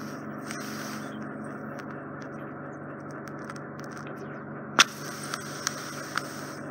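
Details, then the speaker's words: Endoscopic microsuction removing impacted ear wax from a man with chronic wax build-up; steady suction hum and hiss with sharp scrapes and crackles, patient's hearing cutting in and out as wax seals the canal. "so as as we're bringing the wax out is probably creating a seal against the canal wall and it we break the seal and it I can hear again"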